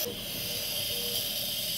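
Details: Steady, high-pitched airy hiss without pauses from a running nebulizer delivering aerosol medication during an asthma attack treated at A&E (emergency department).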